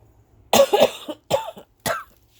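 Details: Three separate harsh coughs, the first a double burst, from an adult woman who has been sick, in a quiet room.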